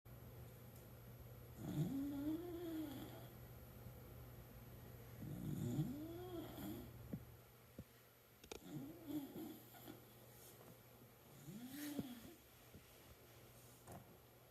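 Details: Sleeping schnoodle dog whose owner jokingly suspects a valve problem: soft, low, whistling snores rising and falling with each breath, about one every four seconds, over a steady room hum.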